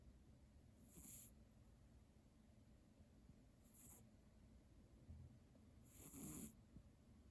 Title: Cat Snoring ②